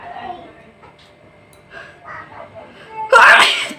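Soft breaths and murmurs, then one sharp, explosive sneeze; a sneeze set off on purpose by irritating the nose.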